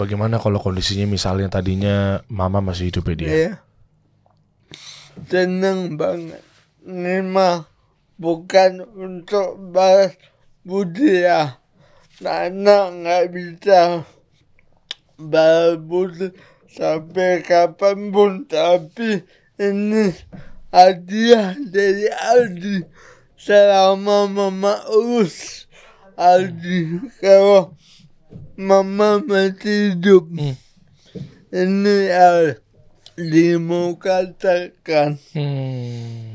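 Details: Adult man born in 1987 with severe cerebral palsy from birth, attributed to a birth injury during a breech delivery; he could not walk until age 9; speech possible but unclear; dysarthria.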